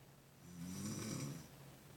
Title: snoring